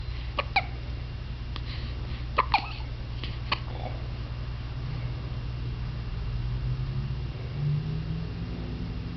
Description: with the hiccups. 12/15/06.